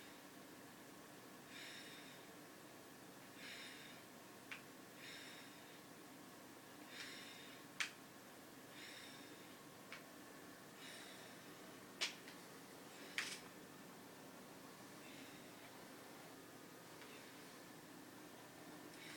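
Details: 5-year-old slightly overweight Basset Hound breathing hard: short, noisy, irregular breaths with snorting at about 14 a minute; labored breathing.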